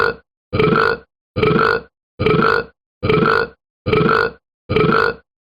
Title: A minute of been burping